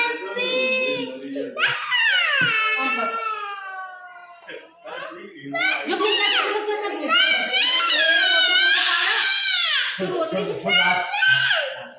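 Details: Young girl crying with distressed, high-pitched wails and sobbing breaths while her tooth is photographed; the tooth is said to be broken and hurting.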